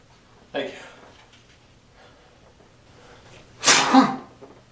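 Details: Person's sneezing: a soft vocal burst, a pause with quiet breathing, then one loud explosive sneeze in a small room.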